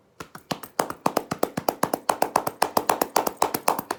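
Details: Chest percussion with cupped hands over the rib cage, especially the lower rib cage front.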